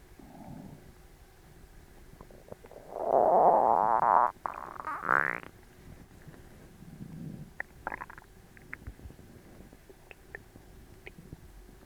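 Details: Loud rising gurgles and rumbles, then softer bubbling: bowel sounds from an aching, tight, overstuffed belly recorded right after a large Christmas dinner.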